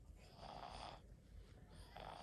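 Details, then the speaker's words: Rough, snoring-like labored breaths with nasal congestion and a faint audible wheeze in a young known asthmatic male during a severe asthma attack with intercostal and subcostal retractions, coughing for a year. "a little nasal congestion but he's working and you can almost hear the audible wheezing"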